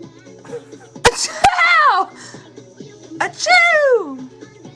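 Two sharp bursts of breath, each followed by a falling voiced cry, consistent with sneezes, with faint music behind.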